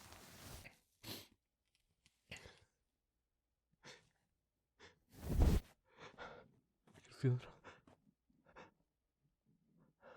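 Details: Male sneezing into tissues during a small fit: several breathy hitching catches build to one strong explosive burst, followed by softer sniffs and breaths; sneezing.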